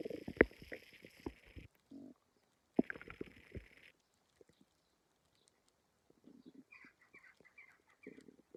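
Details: Stomach growling (borborygmi) with a sense that something doesn't feel right in the gut.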